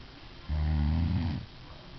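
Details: Adult woman snoring in sleep, recorded by her husband: a single low, rattling snore lasting about a second, rising out of quiet room noise.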